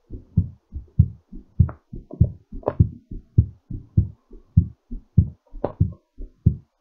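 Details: Strong, regular two-part heartbeat at about 100 beats a minute, fast during recovery; normal heartbeat after exercise.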